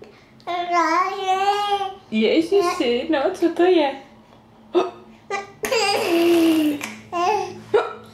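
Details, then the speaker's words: Infant babbling and laughing, broken by short, sharp catches in the voice consistent with ongoing hiccups; harmless. "No chceš papat nechceš máš ještě škytavku"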